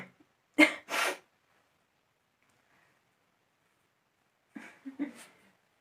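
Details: Sneezing deliberately set off with a toothpick: two quick sneezes with a sharp intake before, then after a pause a softer sneeze or snort.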